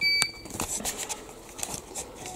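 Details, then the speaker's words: Short high electronic beep, then clicks and room noise, from a faulty dental ceramic firing furnace that beeps, opens and switches itself on with nobody pressing anything. "Вот она срабатывает сама, сама пищит. В общем, такого быть не должно, и работать нею становится невозможно."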